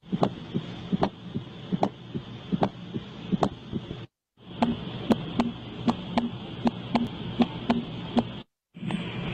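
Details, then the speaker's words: Abnormal heart sound played as an example of a circulatory disorder, contrasted with a normal heart: regular heartbeat about 77 per minute with a steady whooshing between beats, a heart murmur. "Itu antara jantung normal sama yang penyakit itu suaranya beda Bu. Yang penyakit itu suaranya horor Bu."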